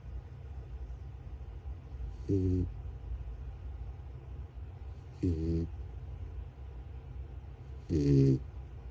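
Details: Mini American Shepherd puppy snoring while asleep: three short, buzzy, rattling snores about three seconds apart, roughly 20 per minute, in a quiet room.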